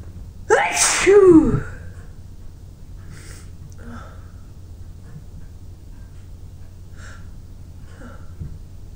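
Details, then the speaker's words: Person sneezing repeatedly from a tickling nose, with runny nose, watering eyes and sore throat: one loud two-part sneeze with a rising voiced cry, then quiet sniffles over steady hum. "Oh, my throat is hurting from all the sneezing. It's so powerful."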